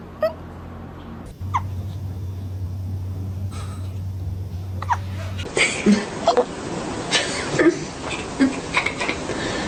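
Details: Cat hiccuping, possibly after eating food too fast: several short, sharp, jerky sounds over a few seconds against room noise and a steady hum.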